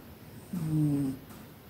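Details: Single brief low buzzing snore, about half a second, from a male cat sleeping during his afternoon nap: snoring.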